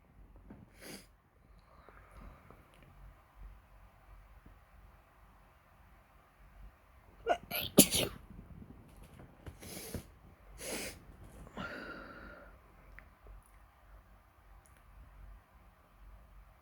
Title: What happened with my nose? #sneeze #sneezing